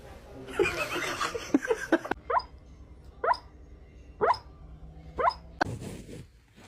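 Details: A sleeping dog snoring: short, squeaky, whistling snorts, about one a second and irregular, with noisy snoring breaths.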